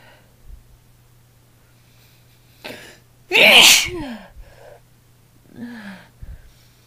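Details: One loud, sharp sneeze from a woman, preceded by a quick breath in, against quiet room hum; recorded during a session of 22 sneezes using a chhinkni, throat raw the next day.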